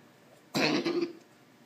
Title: Coughing cat